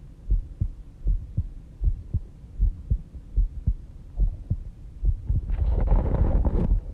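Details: Own heartbeat recorded during sleep at 5:30 am, described as slow at about 70 bpm; steady paired lub-dub thumps with rustling at the end, a regular normal heartbeat.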